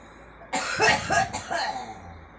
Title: girl coughing